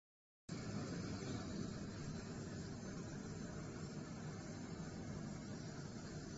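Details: Steady, loud rushing airflow roar after a sudden start: an extraoral dental suction filtration unit running in a dental surgery.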